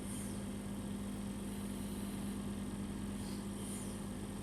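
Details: Portable home oxygen concentrator (model ZYA1/ZYA2) running with a nasal cannula, showing 90–93% oxygen concentration: steady low motor hum with a constant drone and faint periodic hissing.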